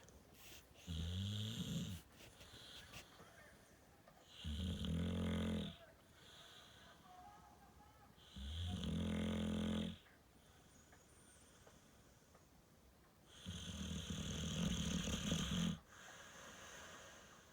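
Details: A dog, loud enough to be kicked out of the owner's bed, snoring in sleep: four slow, rumbling, buzzy breaths every four to five seconds with quiet gaps; snoring.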